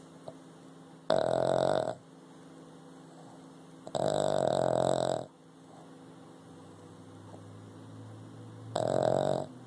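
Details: Loud, buzzing, snorting snores, three in about ten seconds with quiet breathing between them; a Boston Terrier dog snoring.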